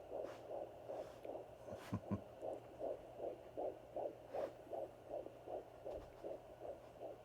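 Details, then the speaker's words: Fetal heartbeat at about 160 a minute, rapid regular whooshing pulses over steady hum, picked up at home with a u-kiss fetal Doppler during pregnancy; normal. "I do have one of those fetal doppler as - by u-kiss it's the ones that basically the office uses to listen to the baby's heart rate when you're in the office"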